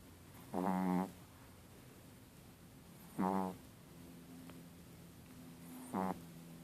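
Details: Chihuahua dog snoring: three short, buzzy snores at irregular intervals over quiet room hum.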